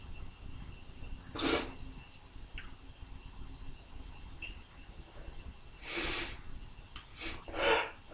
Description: Some tickly induced sneezes, quite forceful but my mic isnt picking up thee explosiveness for some reason, either way let me know if you like, if you like lol.